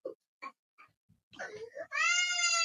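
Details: A toddler choking on pasta at a family dinner has the food dislodged from the windpipe with an anti-choking device within seconds; a few brief gasps follow, then a loud sustained cry.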